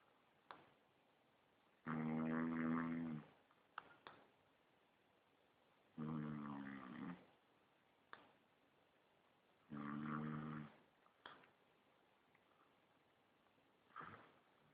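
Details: Snoring: three long, deep, rattling snores about four seconds apart, about 15 breaths a minute, with soft clicks between them.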